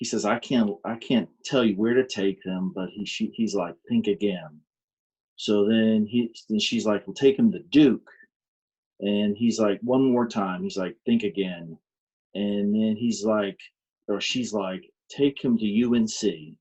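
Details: Adult man with aphasia following a stroke on March 22, 2019, which affected his speech; aphasia.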